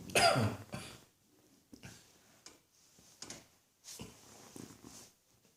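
Several harsh cough bursts, the first loudest, followed by smaller coughs and throat clearing in a quiet room.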